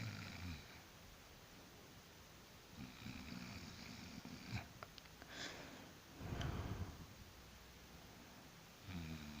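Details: Person snoring while asleep after work; repeated low snorting snores with breathy rustling between them in a quiet room: ordinary snoring during sleep.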